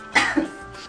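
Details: Single short, acted adult cough from a comedic cough-syrup commercial, over faint background music.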